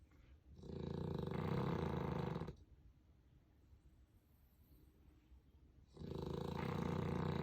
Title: Puppy snoring with a stuffy nose. #puppy #cute